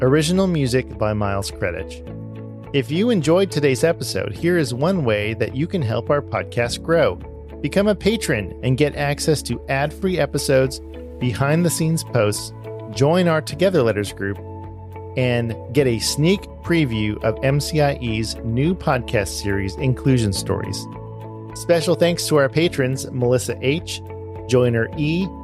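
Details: Adult male speaker; ordinary speech.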